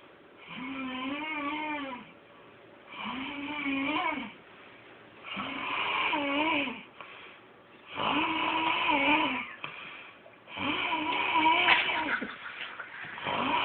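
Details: Man asleep on a couch: regular noisy breaths about every two and a half seconds, about 23 a minute, each with a wavering whistly tone and faint rattle; snoring.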